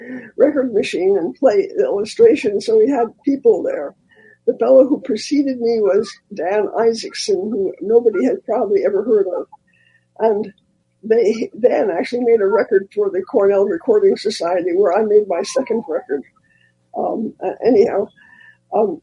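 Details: Elderly former singer who recently lost a vocal cord, not caused by the polio they had in 1948; voice changed from their singing voice; dysphonia after loss of a vocal cord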